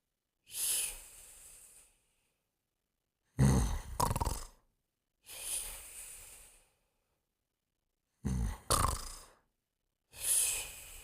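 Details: Simulated cartoon snoring (Pink Panther sleeping): slow alternating rasping in-breaths and whistling out-breaths, about 12 a minute, separated by silence; an imitation of snoring.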